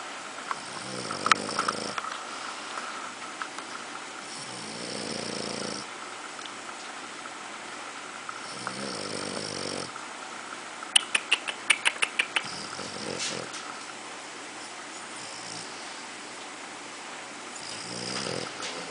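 Rough, low breathing noises recur every few seconds over room noise, with a brief burst of sharp clicks; snoring.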